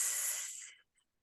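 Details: Stuttering sound prolongation demonstrated by a speech therapist, a sound stretched out a little longer; stuttering, sound prolongation (simulated).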